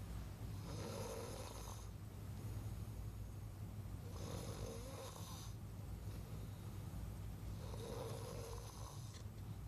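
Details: Snoring during the night: three rhythmic snores about 3.5 seconds apart, roughly 17 breaths a minute, over a steady low room hum; ordinary snoring.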